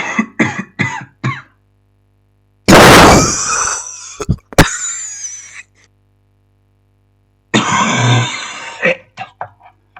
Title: Royalty free Coughing sound (free to use) MP3 quality